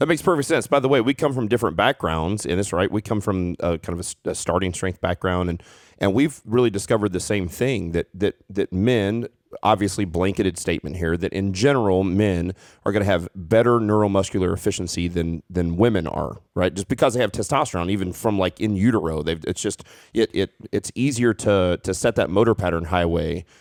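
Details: Adult male speaker; normal conversational speech.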